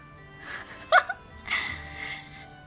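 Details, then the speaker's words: Single sharp explosive sneeze from an adult man, the streamer's father, heard in the distance over background music during a Minecraft livestream; the streamer remarks on her father's sneeze. "that's my father you are blessing the sneeze of my father feel that feel the sneeze the father sneeze nice"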